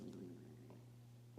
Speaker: Can you hear that? It's my stomach. I'm hungry.